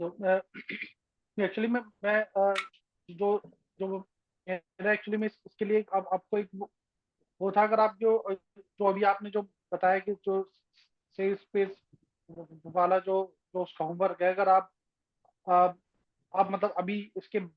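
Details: Person who stammers in a stammering self-help group workshop, speaking with word repetitions; stuttering.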